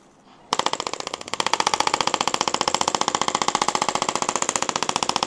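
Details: Rapid, even train of sharp mechanical taps at 15 Hz from a radial shockwave therapy handpiece in a podiatry office, moved over the heel with more pressure there and less in the arch.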